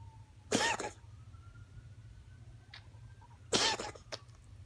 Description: My cat Lola coughing...